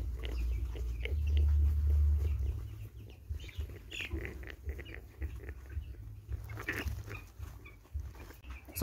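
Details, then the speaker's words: Young broiler chickens making rapid, soft, breathing-like chirps and snicks that farmers often mistake for respiratory disease (CRD); described as a benign sound, not a breathing problem. "I'm sure you got the sound and it's not breathing like oh my God breathing that the beds are giving and everybody would think like my beds are having a problem"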